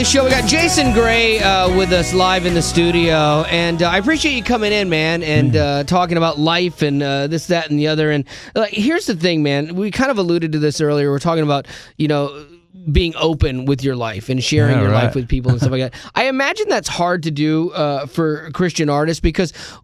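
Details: Adult male radio host; normal fluent speech.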